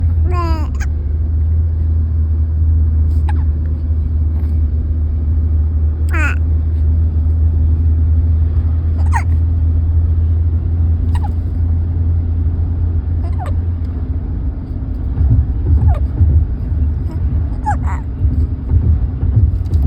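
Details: Baby girl with hiccups she dislikes: an infant hiccups about eight times over twenty seconds, some with a brief squeak, over a steady low rumble.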